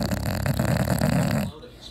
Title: Funny English bulldog sleeping and snoring